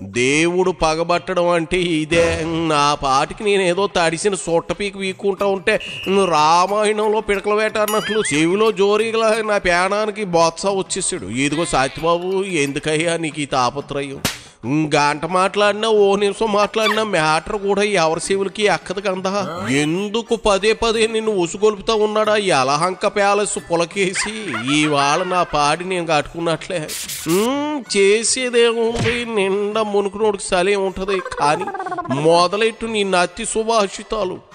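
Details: Adult male speaker; no speech disorder.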